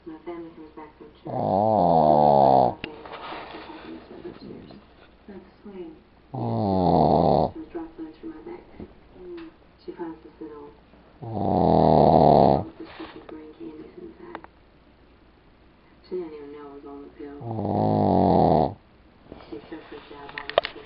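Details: Heavy snoring: loud, rough snores on each in-breath about every five seconds (roughly 12 a minute), with quieter wheezy out-breaths between them.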